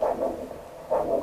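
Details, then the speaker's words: Handheld Doppler probe over an ankle artery before the cuff is inflated for ankle pressure measurement: rhythmic whooshing surges, one per heartbeat, showing blood flow through the artery. "comme vous l'entendez, on a de façon très rythmique le signal Doppler qui indique le passage du sang dans votre artère."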